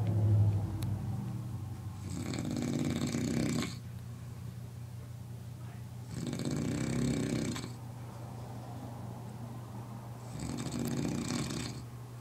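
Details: Loud, harsh, rattling breaths about every four seconds, around 15 a minute, over a steady low hum; snoring.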